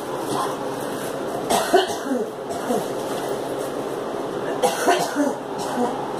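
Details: Girl coughing: two clusters of short, harsh coughs, about five in all, over steady background noise.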